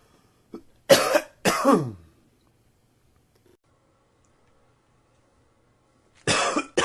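Two harsh coughs after a small throat sound, a pause, then another cough.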